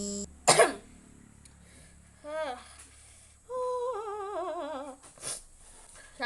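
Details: Coughing during a ghost pepper chili eating challenge: a sharp cough burst followed by voiced throat sounds and a wavering hum, with light room noise.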